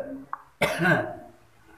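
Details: One loud, harsh cough burst with a short fading tail, from an adult patient with cough and lower back pain receiving traditional massage.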